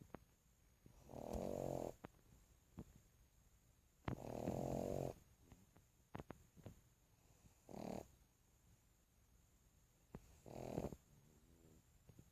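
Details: Snoring in a sleeping pug: four loud, rough, obstructed snoring breaths, unevenly spaced, in a quiet room with faint clicks.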